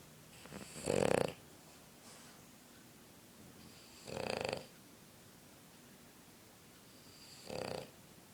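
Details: Boston terrier dog asleep on a couch, three rough snoring breaths in about eight seconds with quiet pauses between; snoring.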